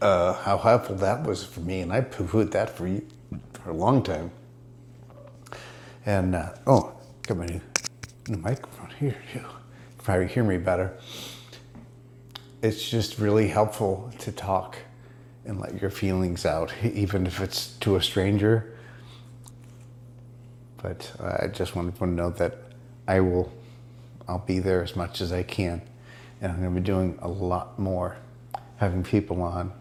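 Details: Adult man diagnosed with multiple system atrophy; he reports his speech improving after ibogaine treatment taken about 6 weeks earlier; dysarthria in multiple system atrophy.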